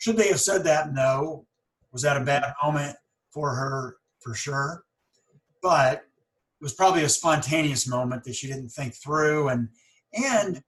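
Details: Person who stutters, with pauses and word repetitions; stuttering.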